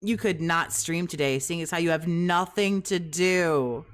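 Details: Adult speaker; ordinary speech.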